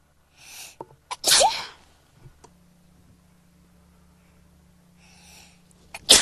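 A sharp, explosive sneeze after a quick inward breath, followed by sniffing and the start of another burst; sneezing.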